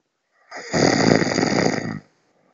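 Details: Loud snoring during sleep, reported by bed partner: one long, rough, fluttering snore on a breath in, lasting about a second and a half.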